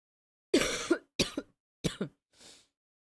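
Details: Three short, harsh coughs in quick succession, then a faint breathy exhale, from an adult who is sick and has been coughing a lot; an ordinary acute cough.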